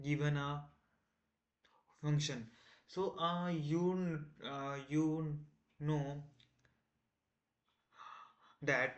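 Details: Man who identifies as a person who stammers, on day 1 of a self-set 30-day stop-stammering challenge, trying not to stammer: stuttering with audible repetitions and fillers.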